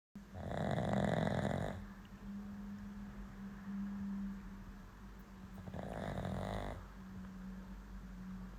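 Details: A white dog napping on a pillow gives two loud, rattling snores several seconds apart over a steady low room hum: ordinary snoring during sleep.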